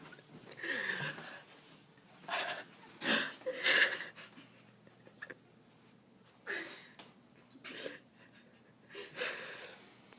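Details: A mother who says she never snores, asleep: irregular, noisy, rough, rattling snoring breaths, about six in ten seconds, in a quiet room, snoring.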